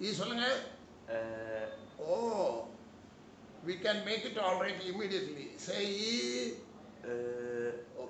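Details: Adult male speaker; speech.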